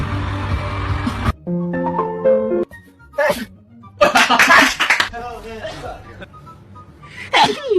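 A few short explosive sneezes mixed with bursts of music, edited sound and laughter.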